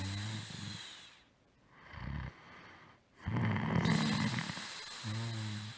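Low, rumbling snore sounds with a buzzing, voiced quality, separated by quieter breathing; snoring.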